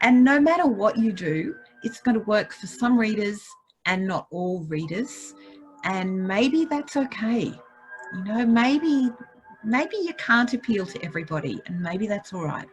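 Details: Adult woman speaking; ordinary speech.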